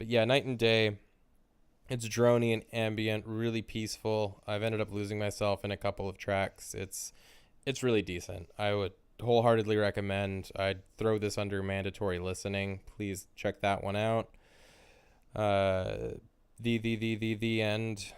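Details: Adult male speaker; stuttering.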